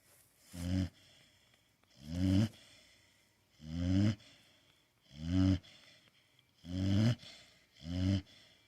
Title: Blue pitbull Jake sleeping and snoring!!